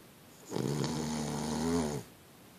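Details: Boston Terrier dog sleeping soundly in bed, snoring: a single long, loud, buzzing snore lasting about a second and a half, with quiet before and after.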